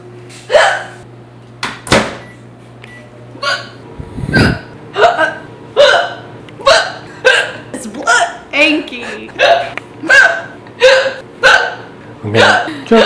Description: My girlfriend got the hiccups and they were loud!